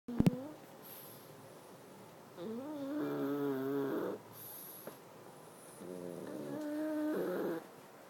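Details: Two long, buzzy, whistling snores from a sleeping pug, rising and falling in pitch, with quiet pauses between; snoring.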